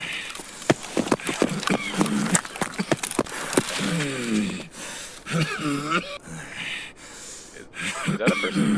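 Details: Sharp clicking bursts followed by squeaky, whistling cough-like sounds with a wheezy musical quality: a wheezy cough.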